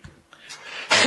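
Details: 68-year-old man during a televised Covid conference: a brief rising breathy sound ends in one sharp, forceful cough burst, part of a coughing fit as he struggled to keep speaking.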